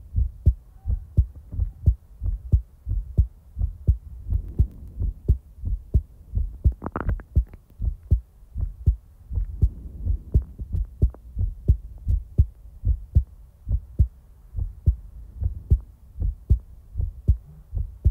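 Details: Steady, regular low thumps of a normal heartbeat, about 86 per minute, with a soft hum underneath; heartbeat ASMR recording in real time.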